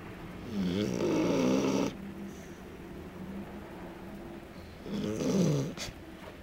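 Two loud, rattling snores from a sleeping dog with a softer snuffling breath between them. Ordinary snoring.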